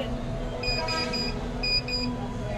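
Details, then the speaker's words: Bio-Med TV-100 transport neonatal ventilator demo: repeating electronic alarm tones in bursts over steady machine noise, triggered by a deliberately opened port causing a gas leak, with red light and message until the port is closed. "जब कभी कोई alarm आएगी जैसे की समझ लीजिए की कोई लीक हो रहा है कहां से गैस तो इस प्रकार"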